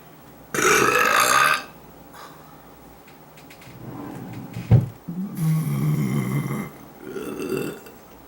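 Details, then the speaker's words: Girl burping while folding laundry in her room: several drawn-out, throaty belches in a small room, some loud and some softer; repeated burping. "Not every burp has to be loud."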